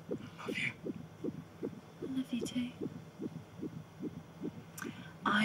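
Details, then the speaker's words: Rapid whooshing fetal heartbeat, about 150 a minute, on an ultrasound Doppler during a pregnancy scan in a TV drama (simulated), with a sonographer offering to let the parents hear the baby's heartbeat. "that's it would you like to hear baby's heartbeat"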